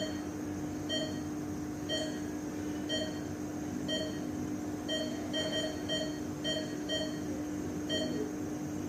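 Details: Sound-effect recording of an ICU bedside patient monitor: steady pulse-tone beeps about 60 a minute over constant room hum.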